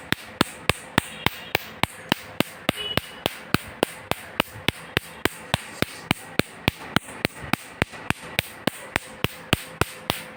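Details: Sharp, regular clicking snaps at about 105 a minute: pulsing of a laser machine firing to remove a small tattoo, done in two laser steps.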